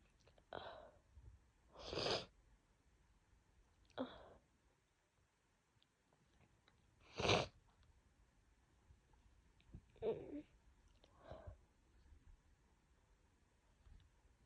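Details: Woman coming down with a bad cold, very sneezy with a worsening cough: several sudden, forceful sneezes spaced through a quiet room, some wet-sounding; repeated sneezing.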